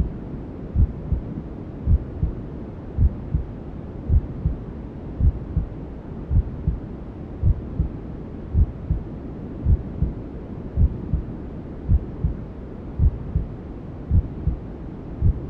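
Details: Sleep sound for newborns: steady muffled heartbeat, about 54 beats a minute, under whooshing white noise, imitating the mother's heartbeat and other sounds heard inside the womb.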